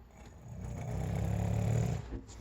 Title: SNORE BORE